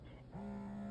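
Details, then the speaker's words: Anly Kiss Power Pump electric breast pump in dual-frequency mode, meant for inverted nipples: quiet motor noise, then a steady low motor drone during a long suction pull. "another long pull like you can hear for the dual frequency"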